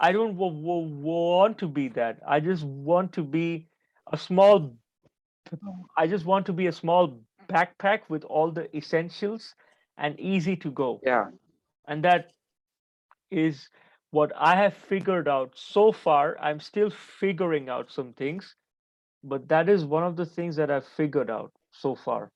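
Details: Adult man who stutters and reports that he still stammers, with blocks during this conversation despite having become more fluent; stuttering.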